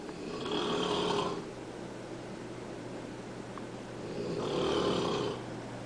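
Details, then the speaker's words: Husband's snoring heard from the downstairs kitchen while he sleeps upstairs in the bedroom: two loud rattling snores about four seconds apart, roughly 15 breaths a minute, distant over room noise. Snoring. "I can hear my husband snoring all the way upstairs in the bedroom and he wants to know why I can't sleep at night"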